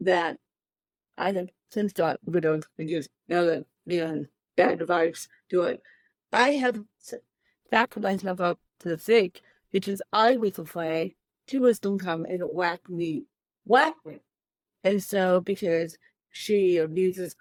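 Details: Adult woman with cerebral palsy from birth, born 13 weeks premature; dysarthria (cerebral palsy).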